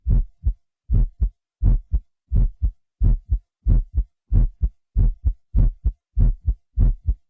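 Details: A man's own heartbeat, recorded by a doctor and digitally processed with a Synclavier system: regular, deep lub-dub heartbeats at about 90 a minute, enhanced and very clean.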